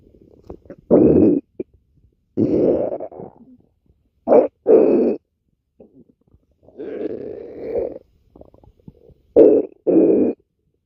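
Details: Repeated low gurgling rumbles from the abdomen as gas and fluid move through the gut; ordinary stomach growling (borborygmi).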